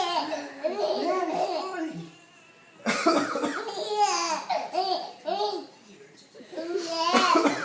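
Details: A father gives a few deliberate voluntary coughs, each answered by a 5-month-old infant's high, bubbly laughter and babble.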